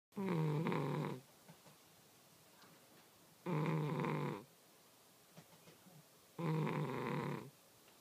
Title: Snoring Cat